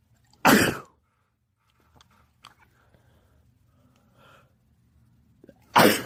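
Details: Sneezing fit at a house with two cats, after feeling the urge for a while: two loud, explosive sneezes about five seconds apart, with quiet room sounds between.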